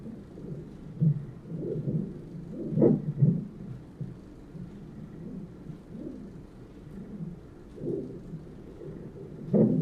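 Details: Fetal heartbeat on the Doppler monitor at 29 weeks of pregnancy, recorded during a hospital visit for contractions: muffled whooshing with irregular louder thumps from fetal movement over a low rushing background.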